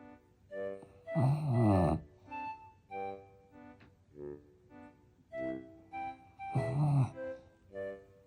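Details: A French bulldog snoring: two loud, rattling low snores about five seconds apart over steady background music.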